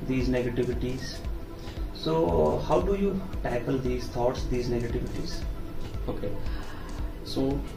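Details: Adult male speaker; typical speech.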